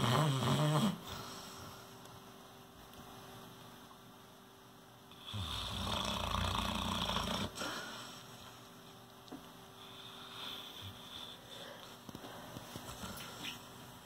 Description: Our new Saint Bernard pup Mabel. Her snoring is epic.